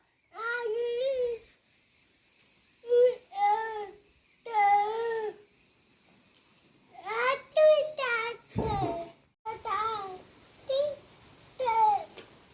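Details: Deaf child with a 99 dB hearing loss who did not speak before and now uses one- to two-word sentences after parents followed a therapist's home-talk guidance, here prompted by a parent; speech of a child with profound hearing loss.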